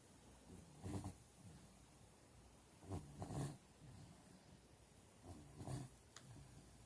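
Rough rasping noises on breathing in, about every two to three seconds over steady room hiss: snoring.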